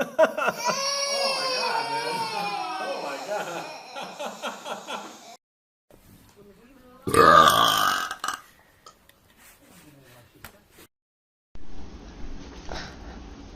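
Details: Compilation of loud, drawn-out voiced burps that scare babies, separated by pauses and cuts; ordinary belching with faint room sound between.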